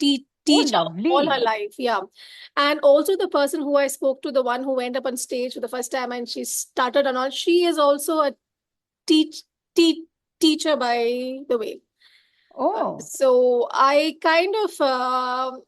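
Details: Adult woman who has stammered since early childhood, extremely pronounced early on and now cyclical with fluent phases, with blocks and P and T syllables hardest: stuttering.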